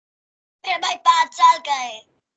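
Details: 10-year-old girl with left vocal fold paralysis and voice change for about 2.5 years, recorded after about 2–3 months of voice therapy: normal voice after recovery from unilateral vocal fold paralysis.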